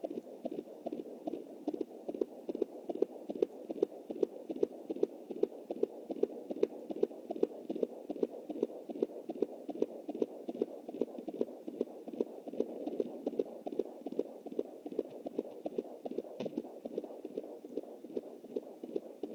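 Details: Fetal heartbeat at 20 weeks + 7 days with an anterior placenta, heard on a Jumper Doppler: fast, regular whooshing thumps at about 150/min, like galloping hooves. This is distinct from the mother's pulse of 93 picked up through the uterine artery.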